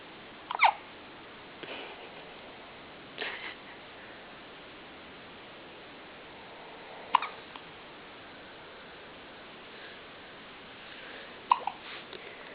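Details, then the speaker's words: Short, sharp catches of breath recurring every few seconds in a quiet room from a baby boy with hiccups; infant hiccups. "Are you okay? Poor thing. Poor thing, your hiccups."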